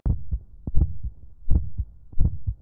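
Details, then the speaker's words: Physical-exam teaching, stethoscope diaphragm over the four valve areas (mitral, tricuspid, pulmonary left 2nd intercostal parasternal, aortic right 2nd intercostal parasternal) on an adult male: regular S1 and S2 about 83/min, no murmur, snap, click or rub. "Oke, dengan menggunakan setoskop, dengarkan regularitas bui jantung 1 dan 2 serta apakah ditemukan bising atau bunyi tambahan seperti opening snap, adjustent click,"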